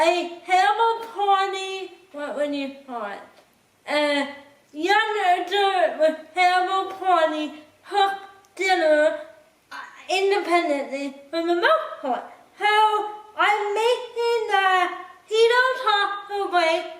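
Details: Woman with cerebral palsy who cooks with limited help; dysarthria (cerebral palsy).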